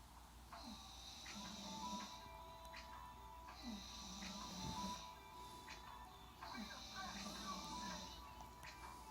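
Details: Rhythmic snoring with a whistling tone on each breath, about 20 breaths a minute, over faint background music, from a sleeping black animal or person named Antoinette; snoring.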